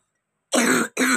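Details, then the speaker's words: Child with recurrent monthly cough and colds, on antibiotics again, fast breathing at night, coughing at 2 a.m.; pediatrician attributes it to the weather: two harsh, forceful coughs in quick succession after silence. "Grabe talaga yung ubo niya kapag kagabi. Hindi ako nakakatulog kasi yung paghinga niya masyadong mabilis."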